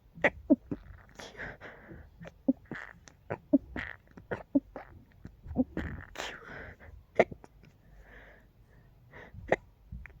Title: Hiccups to sneeccups to sneezes 🤧